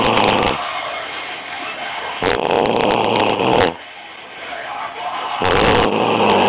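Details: Loud, harsh snores repeating every few seconds against a muffled, noisy background: heavy snoring from a man.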